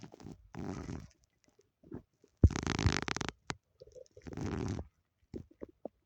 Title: my stomach growling (only audio)